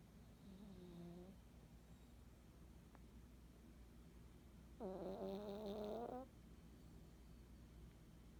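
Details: During an afternoon nap: two drawn-out, slightly tonal snores about four seconds apart over steady room hum, consistent with snoring during sleep.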